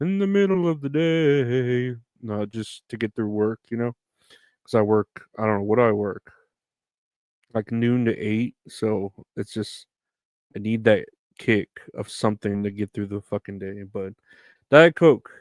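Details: Adult man; ordinary speech.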